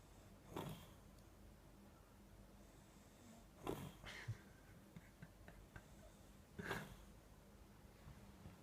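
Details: A sleeping brother makes irregular snorting breaths with wet, bubbly rattles, about three in eight seconds; noisy snoring with moist bubbling; snorting.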